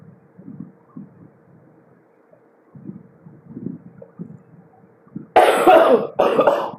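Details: Two harsh coughs in close succession after vaping, over a quiet background murmur, from an adult who had just taken meds.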